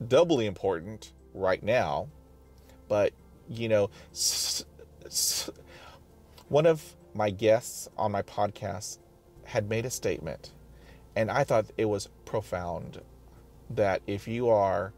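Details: Person who stutters, describing blocking while speaking; stuttering.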